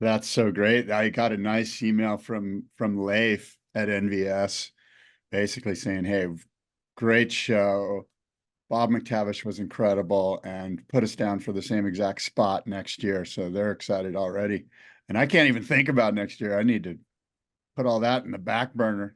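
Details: Adult male speaker; normal voice.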